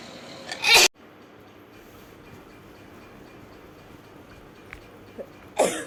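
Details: A girl sneezing rapidly: two sharp, explosive sneezes separated by a few seconds of quiet room noise.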